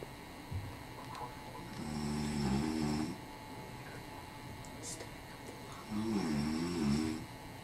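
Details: Father snoring during a nap: two long, rough, rattling breaths in, about eight breaths a minute, over a steady background hum.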